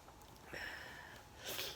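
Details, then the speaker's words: Two quick, hissing sniffs through the nose from an adult with a head cold ("man flu") following laryngitis, in a quiet room while spinning yarn. "You have to excuse me, I have got man flu."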